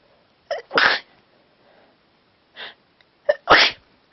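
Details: A person with a cold, sneezing repeatedly while trying to talk, gives two sneezes, each a quick sharp intake followed by an explosive burst, in a quiet room.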